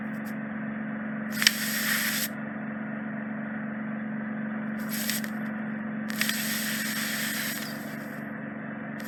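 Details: Endoscopic microsuction by a consultant audiologist on a woman's ear canal, with deep impacted wax trapped in the narrowed isthmus near the eardrum: steady suction hum with hissing and crackling bursts as wax is drawn in.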